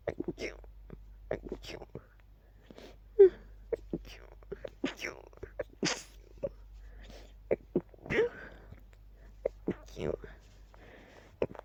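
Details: Sneezing fit.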